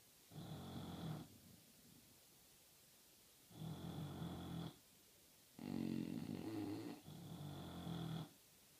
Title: English bulldogs snoring, no video, just loud snoring, TURN UP VOLUME